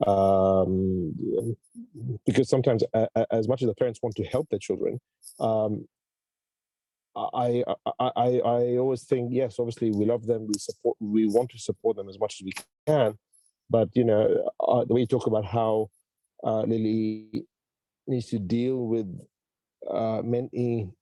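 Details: Stuttering in a female speaker who says she has a stutter.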